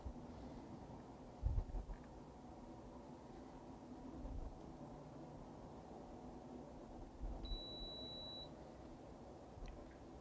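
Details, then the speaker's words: Blood pressure taken on an adult man's arm with an automatic cuff: soft pump and release noises over quiet room hum, ending in a short high beep as the reading finishes; reading 128/75. "we're going to use an automatic cuff today"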